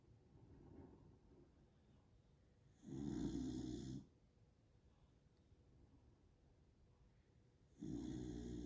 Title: Snoring dogs